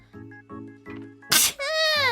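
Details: A single sharp sneeze from a VTuber over soft background music, followed by a brief voiced sound.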